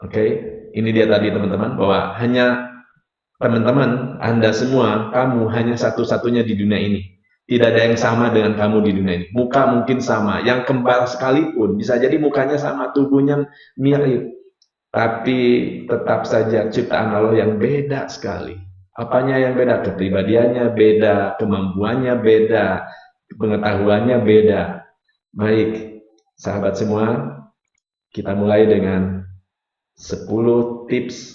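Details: Rhotacism (r sound substituted with l) present since childhood in an adult man, a hypnotherapist and lecturer, speaking Indonesian.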